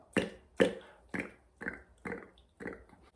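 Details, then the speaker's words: Adult man with Tourette syndrome demonstrating a redirected tic, a cat-like purring sound made on the edge of the tongue: six short, sharp tongue-and-throat noises about twice a second; vocal tic. "i've started going and purring like a cat making that little sound on the edge of my tongue because that's the sensation that i want"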